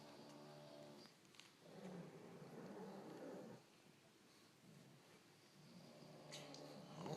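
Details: Several pugs sleeping in a bedroom corner, with overlapping snuffling, rattling snores that are irregular and mixed with soft grunts; snoring.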